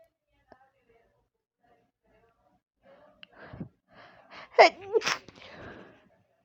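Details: Sudden sneeze attack, recorded through headphones with a loud TV in the background: a quiet breath in, then about three sharp, forceful nasal sneezes close together; sneezing.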